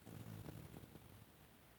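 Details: Pitbull asleep on her owner's leg, making snoring sounds unusual even for her: one brief, low, rattling snore with a rough buzzing tone that fades after about a second.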